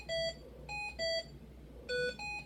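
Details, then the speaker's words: Hamilton T1 transport ventilator in neonatal mode on an infant transport isolette, alarm set off after pressing the increase-O2 button: repeating short electronic beeps at varying pitches. "It does have an increase O2 button, and it'll yell at me since I did that."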